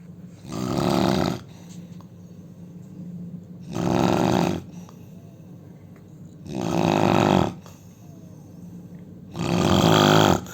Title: Indian man snoring sound!! help me!!🙏